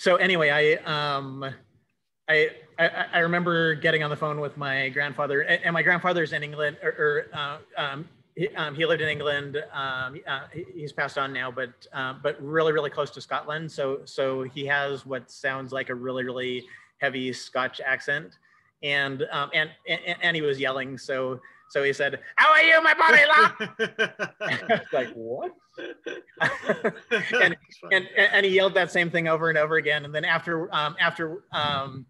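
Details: Male who says he has cluttering, telling a story with fast speech, repetitions and fillers; finding: cluttering.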